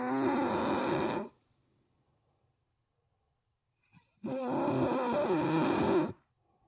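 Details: Mother asleep: two long, loud, buzzing snores separated by a few seconds of silence; heavy snoring.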